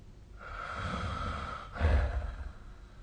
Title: 🐽 本日のイビキ / Snoring Sleep Sound 2025/05/01